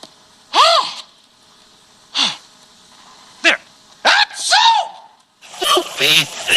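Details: Simulated cartoon-style sneezes acted by the Sesame Street puppet Grover: rising 'ah-ah' build-ups ending in a sharp 'choo' burst; sneezing.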